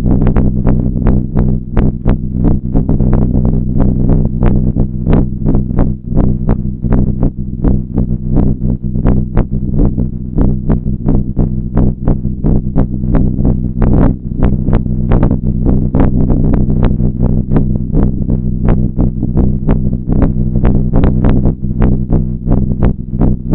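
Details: Alpaca born April 2, 2018, heart listened to as a health check: steady low thumping heartbeat, about 87 beats a minute, with slight background noise; normal heartbeat.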